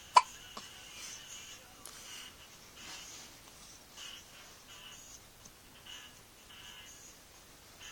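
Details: A 2-week-old baby boy struggling to sleep gives a single sharp hiccup click, then a couple of fainter ones against quiet room noise; infant hiccups.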